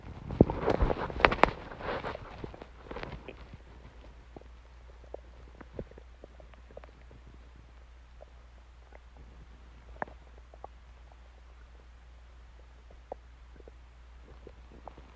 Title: Stomach Growling Sounds